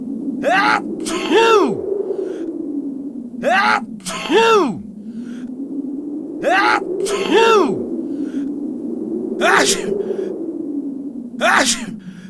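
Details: Four loud, voiced sneezes in a row, each after a sharp inward breath, over a steady background hum; acted sneezing.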